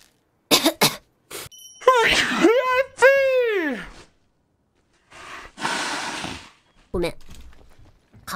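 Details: Person, possibly with hay fever, gives sharp bursts with a loud voiced sneeze-like cry, then a hissing breath out: sneezing.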